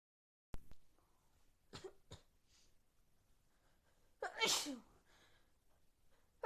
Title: Loud sneezes cold .